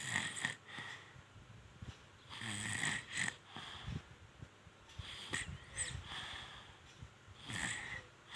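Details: Soft, irregular snoring and snuffling breaths with rough, noisy inhalations from a sleeping baby; ordinary infant snoring.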